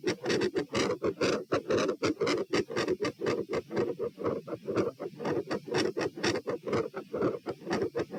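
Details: Heart sounds recorded at position P while moving from sitting to standing, rate 96–132 bpm: tachycardia on standing with a loud, fast S1 and a murmur.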